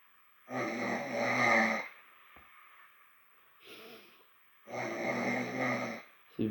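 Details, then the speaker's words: Self-recorded snoring at about 2:47 a.m. in a person with a cold: loud rattling snores on each in-breath about every four seconds, with softer out-breaths between. "Putain, les bruits se font de plus en plus intenses. Vous entendez? On entend que je ronfle."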